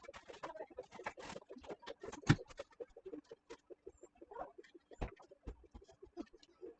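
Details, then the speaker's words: Doppler pulse signal from a Doppler probe with gel, bandaged onto the back leg of an anesthetized female animal on isoflurane 2% after ketamine induction, letting her heart rate be heard. "And now we are putting our Doppler gel onto the back leg. And then a bandage just to stabilize. And you can hear her heart rate through the Doppler."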